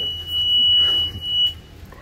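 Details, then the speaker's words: A steady, high electronic beep of about a second and a half over low room hum as a Hamilton G5 ventilator is switched on, just before its self-calibration and pre-use check; start-up self-test tone. "it's going to do a self calibration for a few seconds before the pre use check"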